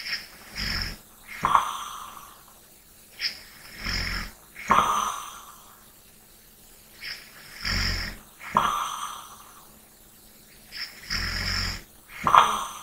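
Slow breathing with soft snoring on breathing in and airy breaths out, about 16 cycles a minute.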